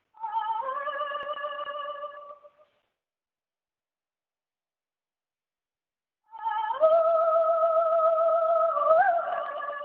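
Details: Archival recording of an opera singer, a woman, singing before her 1930s thyroid surgery and later superior laryngeal nerve injury, with extremely high notes and projection reflecting normal bilateral superior laryngeal nerve function; normal high-register singing voice.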